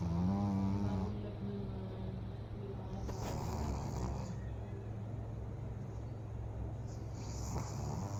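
Low, rattling snore from a sleeping pug, with steady noise behind it; ordinary snoring typical of flat-faced dogs.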